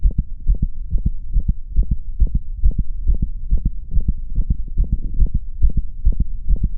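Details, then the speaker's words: Middle-aged dog with early mitral valve disease: a clear, sharp extra click in mid-systole between the first and second heart sounds, easily mistaken for a gallop; systolic click. "this is a clear example of a systolic click an extra heart sound that's occurring smack-dab in the middle of systole"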